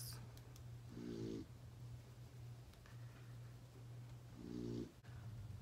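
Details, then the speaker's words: Snoring in the background from Turbo, who is napping during filming. "the way if you hear him snoring in the background that's turbo he decided that this was nap time while I filmed and he's a snore"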